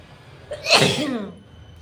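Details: Sneeze induced by putting chili near the nose after paper failed, eyes watering: short inward breath, then one sharp, explosive sneeze fading into a brief voiced tail over quiet room noise. Sneeze.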